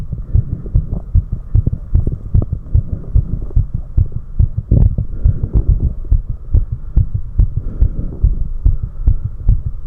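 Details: Recorder's own adult heart after 4 minutes of step-up exercise: rapid, strong, regular low thumps, pounding hard: fast heartbeat after exercise.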